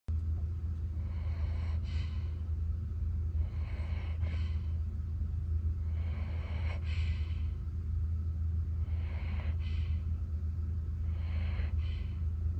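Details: Soft, regular hissing breaths about every 2.5 seconds, roughly 24 a minute, over a steady low hum; quiet snoring.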